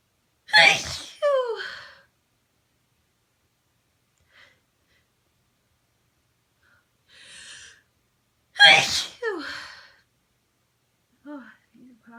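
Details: An adult with a sensitive nose, possibly an early cold or allergies, induces sneezing with rolled-up tissue: two loud, sharp sneezes with voiced tails, separated by quiet breaths and sniffs.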